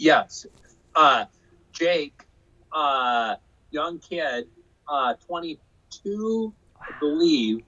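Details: Aphasia in a man after a stroke in 2005 caused by hereditary hemorrhagic telangiectasia (HHT); he says he had or still has aphasia.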